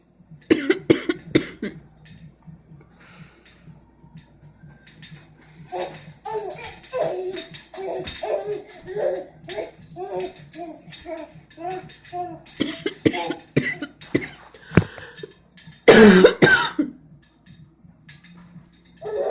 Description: My baby imitates my persistent cough.